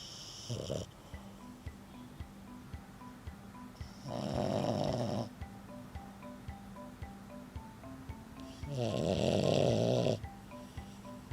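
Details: French bulldog that had surgery to widen her nostrils yet still snores while sleeping: loud rattling inspiratory snores about 5 seconds apart over soft background music.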